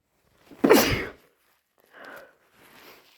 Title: More induced wet hayfever sneezes